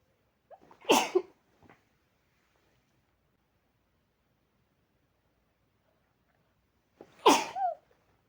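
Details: Adult with an incredibly tingling, ticklish nose since waking, unknown trigger, usually hayfever controlled with pills, gives two violent, unstifled sneezes into cupped hands, each a short in-breath then a sharp muffled burst; sneezing.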